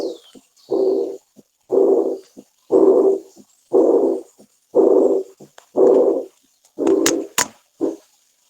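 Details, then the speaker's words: Blowing-quality murmur typical of mitral regurgitation: regular soft blowing swishes about once a second. "si es un soplo soplante si se asocia frecuentemente a un soplo insuficiencia mitral por ejemplo"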